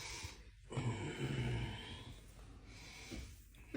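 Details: Giant Mastiff dog known for very loud snoring: one loud, rough, rumbling snort-like breath, then quieter noisy breathing. Snorting.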